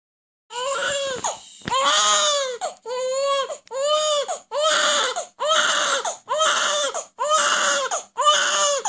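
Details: Loud, rhythmic infant wailing, about nine cries each nearly a second long with brief gasps between; the recording features a newborn and a 2-month-old, and it is unclear which baby is heard. Vigorous crying.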